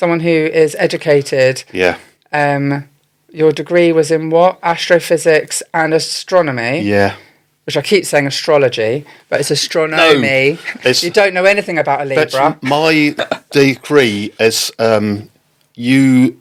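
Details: Two adults talking; conversational speech.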